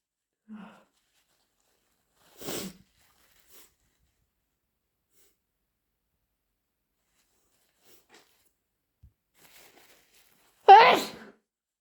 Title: sneezes and snotty nose blowing